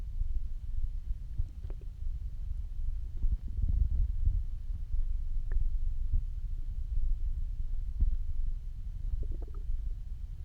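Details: Hungry stomach growls after almost 24 hours without eating: low, rolling gurgles and rumbles with a few squeaky bubbling notes; borborygmi.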